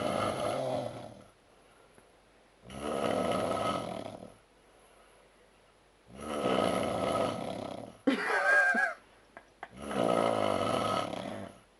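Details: Rough, rattling snores in a steady rhythm, about every three seconds, in a small quiet room, from a man after Oktoberfest drinking; snoring.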